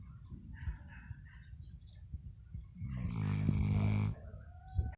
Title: Dog snoring sounds/ Elsa the Labrador